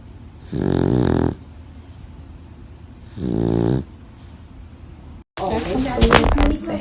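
Two rough, rattling snores on slow inward breaths, about two and a half seconds apart, then background talk; ordinary snoring.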